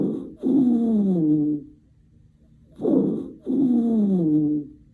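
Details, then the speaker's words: Two breaths each carry a continuous, musical, whistling tone that slides downward: wheezing from narrowed airways. "wheezing key word here is musical it's a continuous sound produced by narrowed Airways think wheezing whistle like a musical"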